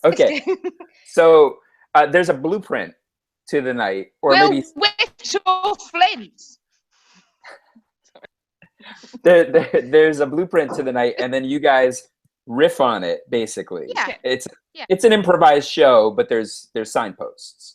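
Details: Adult speaker; normal speech.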